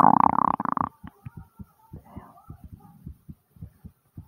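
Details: After squats: a loud, tonal gurgling stomach growl (bowel sounds) followed by soft low thumps of a fast, hard-pounding heartbeat.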